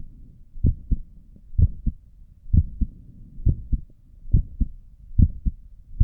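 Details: Own heartbeat recorded with a stethoscope while sitting at a desk for five minutes, with a visible neck pulse: steady lub-dub beats at about 63 per minute; normal resting heart sounds.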